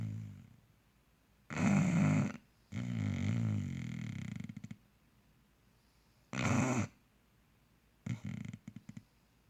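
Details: Bulldog snoring: loud, low, rattling breathing noises in irregular bursts with quiet gaps.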